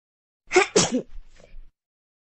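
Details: A single sharp, two-part sneeze followed by a soft snuffle.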